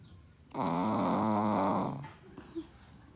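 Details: Sleeping small Shih-poo dog snoring: one loud, rough, rattling inhaled snore lasting over a second, followed by quiet breathing.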